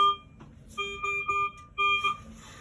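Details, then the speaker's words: Servo invasive ventilator just started on a bag as a test lung, with alarms pending while minute ventilation rises: repeating steady electronic alarm tones in bursts, then silenced. "up in the corner you'll see i just touched a button yellow left corner that is the alarm silence we're waiting just for the minute ventilation because it takes a little while for the minute ventilation to rise"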